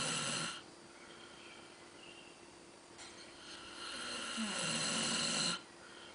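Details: Loud rattling snores on the breaths with a quieter stretch between them; snoring in a sleeping man.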